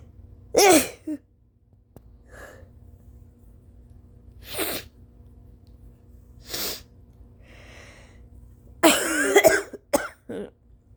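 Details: Tired adult's late-morning sneezes and coughs with a runny nose: several sharp sneeze and cough bursts with a wet nose-blow in between.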